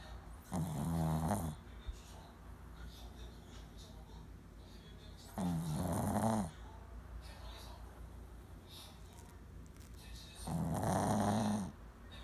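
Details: Female Shih Tzu born December 2009 snoring: three loud, rough snores on the in-breaths, about 12 breaths a minute, with quiet out-breaths between.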